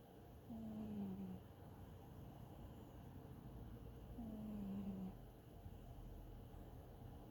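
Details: Sleeping, dreaming cat snoring softly with low-pitched snores, about two in seven seconds, over quiet room noise.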